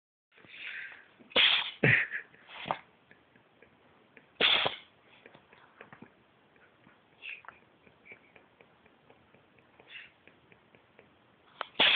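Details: Cat having a sneezing fit: a cluster of short, sharp, high-pitched snorting bursts, then smaller sniffs and clicks; repeated sneezing.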